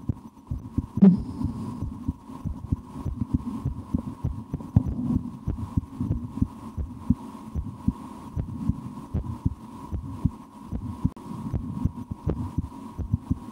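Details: Heartbeat heard through a stethoscope on the chest of a person who holds their breath at times and tries to raise their heart rate: soft, regular thumps under a steady low hum; normal resting heart sounds.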